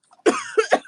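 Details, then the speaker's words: Girl coughing at her keyboard while talking: a single short, wet cough burst with a brief voiced tail. "I'm sorry I'm like coughing all over the keyboard that's not good oh yeah that was wet I know right"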